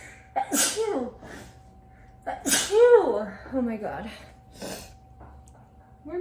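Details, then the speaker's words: Several sharp sneezes, each with a quick breath in before the burst and some voice between them; the person blames allergies acting up. Repeated allergic sneezing. "excuse me oh no the allergies are acting up guys"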